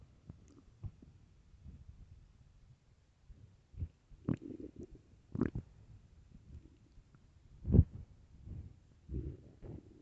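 Irregular low gurgles, squelches and rumbling bursts over a quiet background: loud stomach growling (borborygmi) from an empty, hungry stomach.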